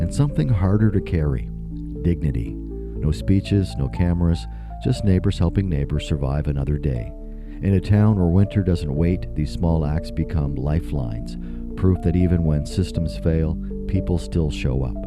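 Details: Adult male radio host; ordinary speech.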